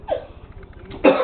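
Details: Adult's deliberate fake cough: a short cough-like burst with quieter vocal sounds before it; a child laughs at it.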